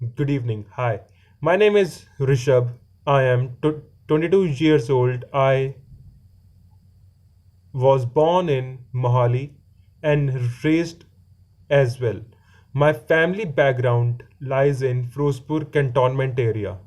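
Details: Stuttering in a 22-year-old man who has stammered since about fourth standard in school.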